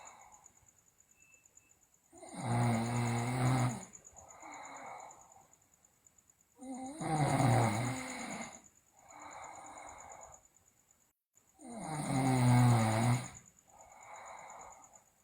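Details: Heavy snoring from a sleeping girl, loud rough snores on each inhalation with quieter exhalations, about 12 breaths a minute.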